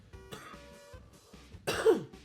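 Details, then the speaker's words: A single harsh throat clear over soft background music from an adult man who says he has been sick for the last couple of days and sounds hoarse and raspy. "sorry I've been I've been sick the last couple days uh if if I sound a little horse and a little raspy that's why"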